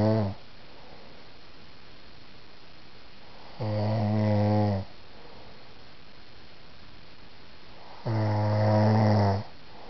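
Loud, rattling snores on the in-breath, roughly 13 a minute, with quiet pauses between them: regular snoring.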